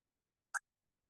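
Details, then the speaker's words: Single very faint, brief cough from a person who says they have a very weak cough, barely audible even to themselves, with little expulsive force; weak cough. "I have a very very weak cough. If you can listen, I'll try to cough right now."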